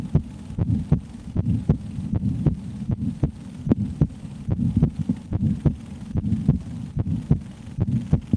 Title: ASMR - Share Their Heartbeat Through A Steth